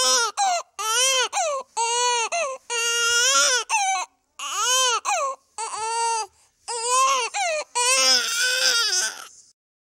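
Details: Baby crying sound effect: repeated loud, high-pitched crying bursts separated by short breaths; a typical infant cry from a sound-effect recording.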